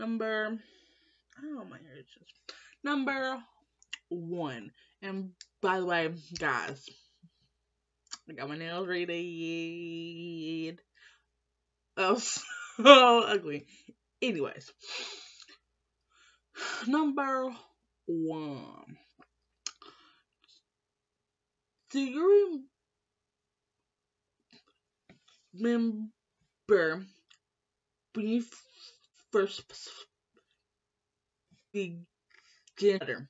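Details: Woman who has stuttered all her life since starting school, was in speech class; blocks when stressed; uncle and mother also stutter; stuttering.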